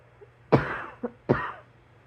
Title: # 156 hmm ... 😑 coughing KF